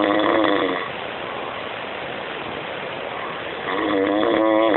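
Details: Dino snoring loudly, with music and applause in the background.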